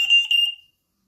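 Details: Brief high-pitched electronic beep as a Philips Respironics Trilogy ventilator, set up with a single-limb circuit, is switched back on after mode activation and begins ventilating.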